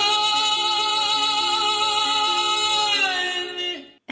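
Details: A singer's voice breaks (cracks) while singing live; the commentator judges the voice tired rather than sick, perhaps from a full concert or touring, and calls it a dysphonia from pushing beyond what his vocal folds could sustain.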